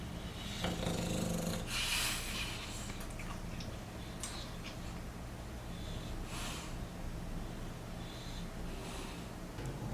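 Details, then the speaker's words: Dog snoring heavily in the background of a quiet room, with steady low rumbling breaths and a few snorting bursts. "my dog is snoring in the background i don't actually know if you can hear that or not but he is crazy snoring"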